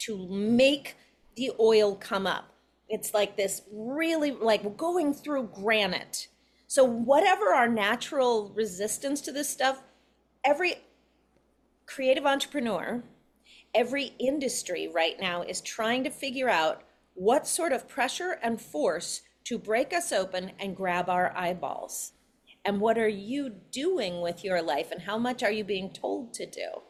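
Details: Adult woman speaking; normal speech.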